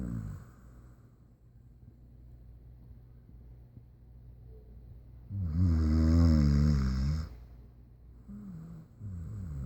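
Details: Dog snoring very loudly: a deep, buzzing snore lasting about two seconds, with quieter rattling breaths before and after.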